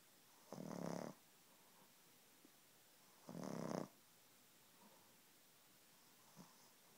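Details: 6-month-old pug snoring, said to sound like a person: two short, coarse snoring breaths about three seconds apart with quiet breathing between, roughly 20 breaths a minute.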